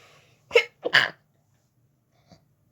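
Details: Sharp intake of breath, then a loud explosive sneeze with a small sound afterward, from a person in bed trying to sleep early whose sneezing fit began after turning onto the other side; sneezing.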